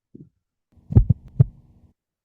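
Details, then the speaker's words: Widely split fixed second heart sound, in a lecture on acyanotic heart disease. "तो जब right blood में blood ज्यादा है उसने ब्लड को पंप करना है। तो आपके पास पल्मोनरी वाल्व थोड़ा सा लेट बंद होगा।"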